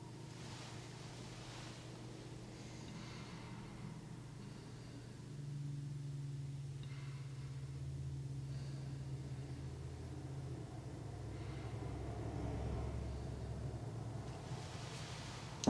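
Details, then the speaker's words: Normal breath sounds heard with an EKO stethoscope over the anterior chest at the second rib while an adult male takes a breath in, in a home lung exam demo: soft, even airflow with no wheezing. "sounded good i did not hear any wheezing anything like that"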